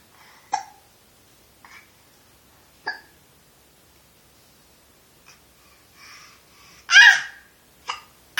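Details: Hiccups recorded 2015-04-03: several short, sharp, abrupt catches of breath at irregular intervals in a quiet room.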